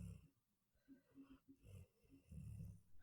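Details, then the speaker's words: Dog that fell asleep quickly, twitching while comfortable, caught on a podcast microphone: soft, low, rattly breaths with faint snuffling in a quiet room, light snoring. "He's so comfy. Can you hear him? Yeah. Oh my gosh. What a little brat. I don't understand how he starts snoring so quickly."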